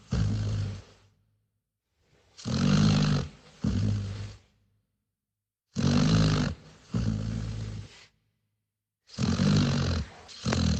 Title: Dog Snoring Sound Effect | Dogs Snore